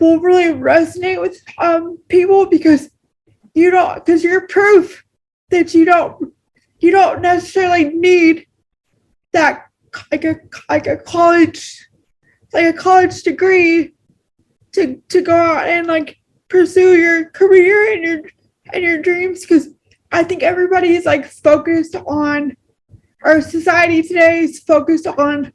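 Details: Adult woman with cerebral palsy, speaking naturally in a real conversation; she notes long words are hard for her; speech in cerebral palsy (dysarthria).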